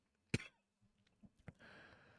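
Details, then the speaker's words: A single sharp adult cough from a reader with a cough in their voice, followed by faint throat sounds and low room noise; cough. "However, as you can hear by the coughs in my voice, I do have to stop us there for today."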